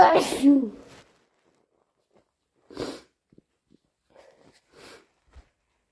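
One loud, explosive sneeze, then faint breaths and sniffs in a quiet room.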